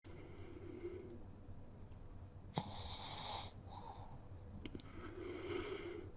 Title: Sleeping pug gently snores, then belts out a LOUD snore at the end (2023 - May 13)